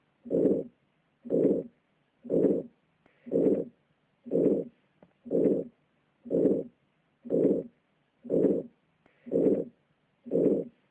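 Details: Aortic stenosis at about 60 beats a minute: a harsh crescendo-decrescendo late systolic ejection murmur overlapping the end of S1 and the start of S2.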